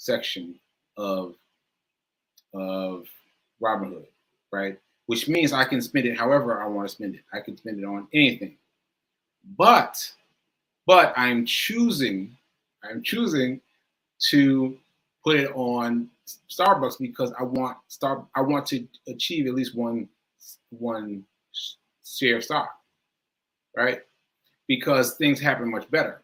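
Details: Male speaker with aphasia, which he says is affecting him today, losing track of his point; word repetitions; aphasia.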